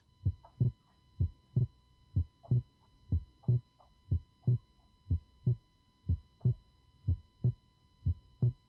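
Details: Regular paired heart sounds at about 62 beats a minute; the second sound intermittently widens into two parts with breathing, from delayed pulmonic closure as blood returns to the right heart: normal physiological splitting. Brief loud noise at end.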